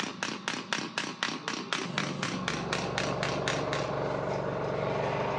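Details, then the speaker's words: Extracorporeal radial shockwave therapy device applied with pressure over the problem area during a physiotherapy session, moved rather than held on one spot: rapid regular sharp clicking pulses, about four a second, then steady machine hum. "तो तो ये इस तरीके से हम थोड़ा दबा के भी देते हैं अच्छे से और एक जगह नहीं रोकते"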